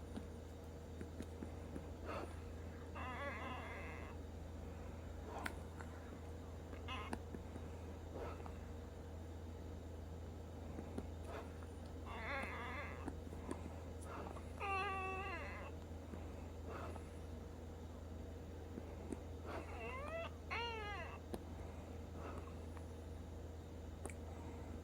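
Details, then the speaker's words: Sister with Down syndrome: quiet breathing with repeated high, squeaky musical whistles, non-stop wheezing since her last breathing treatment around 1 AM; heart doctor appointment pending. "It's like a non-stop wheezing since her last breathing treatment, which is about 1 something in the morning."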